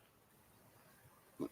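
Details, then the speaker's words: Large dog asleep on the floor under the owner's feet after being run for exercise: quiet room noise, then a single short, low snort near the end; ordinary snoring. "you can hear my dog snaring it can't you yeah I can now yeah I can hear it yeah on the floor he lays right under my feet"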